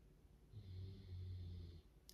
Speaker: know if you can hear my dog but she's snoring in the background she has a difficult life